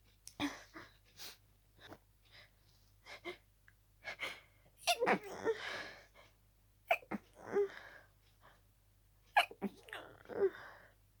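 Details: Paroxysmal sneezing during a head cold: rapid run of harsh, forceful sneezes with quick gasping breaths between; intense fit, barely time to breathe between sneezes.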